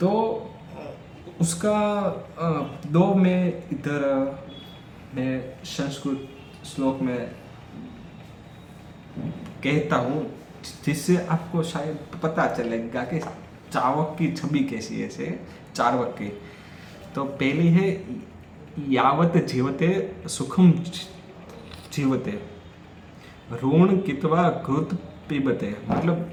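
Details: Stammering in an adult male during Day 4 of his daily speech practice, speaking Hindi; he says he stuttered more during this section.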